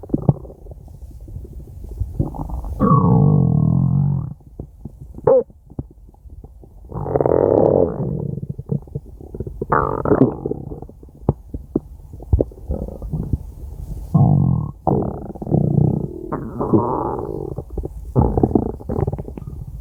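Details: Jean-François's stomach growling, 5-minute recording: long low gurgling and rumbling bursts with pauses between them; ordinary borborygmi.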